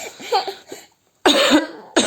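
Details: Adult who coughed all night from heartburn, throat now sore: a few harsh, throaty cough bursts with short pauses in a small room; finding: cough.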